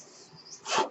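Faint steady hiss, then a brief rushing whoosh of air near the end, consistent with a mechanical ventilator delivering a breath.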